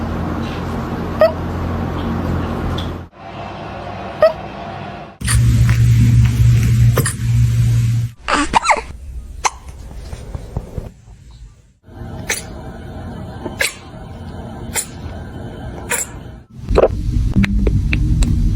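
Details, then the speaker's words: Kittens with hiccups: small, brief clicks and jerky catches of breath recur over a humming room background with cuts between scenes. "You have any hiccups, buddy?"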